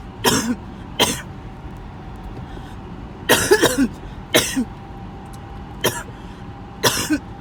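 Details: Six harsh coughs at irregular intervals, some in quick pairs, over low background hum; the tail end of a 20-minute coughing fit.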